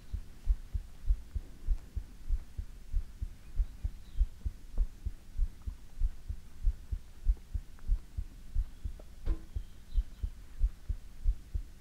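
Steady, soft low thumps at about 100 beats a minute under a faint hum: a regular heartbeat.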